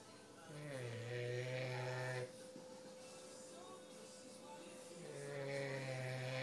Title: Tebow the English bulldog snoring